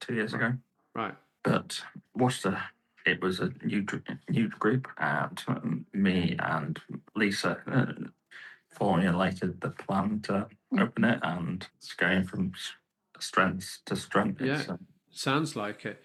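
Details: Aphasia in a male stroke survivor about 15.5 years post-stroke, with right-sided weakness; he originally could not talk and has improved each year.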